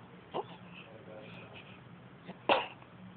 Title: Newborn baby smushed face, sneezes